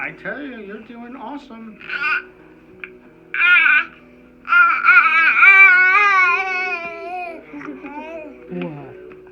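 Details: 6-month-old boy with severe torticollis since 3 months, during Gonstead chiropractic neck adjustment: fussing and crying in short bursts, building to a longer wail, with quiet adult voices in the room.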